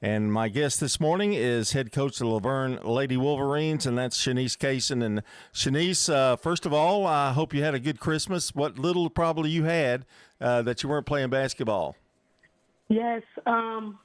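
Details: Adult male radio host, with a brief reply from a second adult; normal speech.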